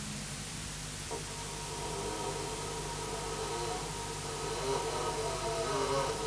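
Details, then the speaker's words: A young girl (not a child) asleep makes a drawn-out, tonal moaning sound on breathing out, over a steady background hum: catathrenia (nocturnal groaning), often mistaken for apneas or snoring. "c'est un diagnostic différentiel que je vous fais entendre c'est pas un enfant c'est une jeune fille et c'est assez fréquent mais très souvent pris pour des apnées"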